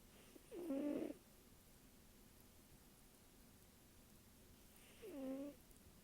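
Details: A sleeping one-year-old rescue tabby cat with a microphone placed in front of it gives two squeaky, whistling snores about four to five seconds apart, each on a slow breath, described as snoring like an old man: snoring.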